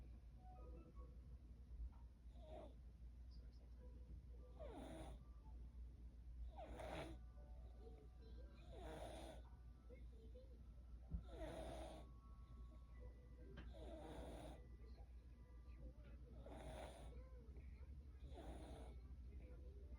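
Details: Snoring during sleep: soft, regular snoring breaths about every two seconds under a steady low hum.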